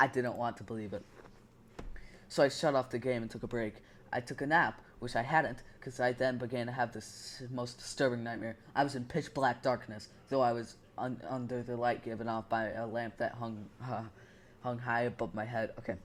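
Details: Stuttering while reading a story aloud; the speaker says this stutter was unintentional and that they sometimes have stuttering issues, especially with the S sound.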